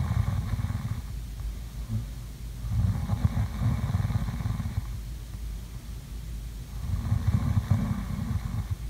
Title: ASMR| COME SLEEP WITH ME| SLEEPING SOUNDS| SNORING